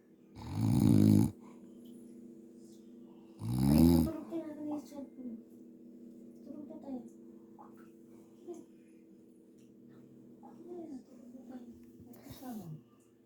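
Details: Adult man (uncle) snoring: two loud, rough snores about 2.5 seconds apart, then quieter breathing over a low room hum.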